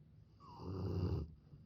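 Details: Mother dog and her puppy asleep side by side, snoring in sync; one low, rumbling snore lasting about a second, loudest in the deep range.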